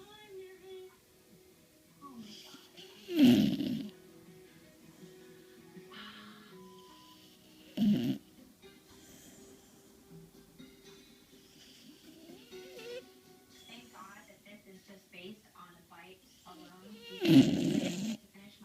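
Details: Bailey, a corgi dog, snoring again: three brief, rough snorting snores over quiet background music; snoring.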